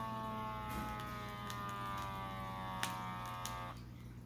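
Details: Automatic wrist blood pressure monitor: steady whirring pump tone while inflating, stopping abruptly near the end.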